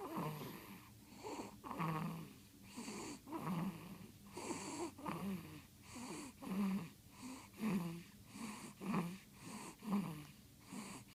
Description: 2 week old baby snores.